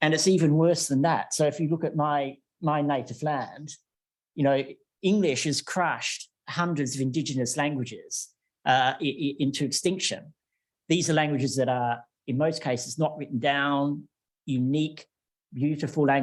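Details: Adult male lecturer; Normal speech.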